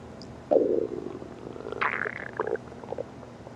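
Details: Loud hunger stomach growl after skipping food before and during work (lunch forgotten at home): low gurgling rumbles with squeaky, bubbling tones rising and falling over a few seconds. Normal borborygmi.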